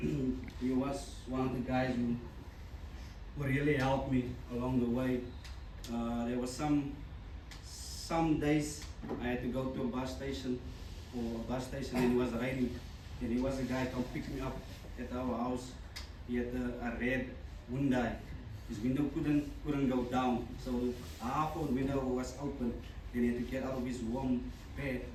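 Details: Stuttering in an adult man, a former rugby sevens player, who says he still stutters and that his stutter was very severe as a child.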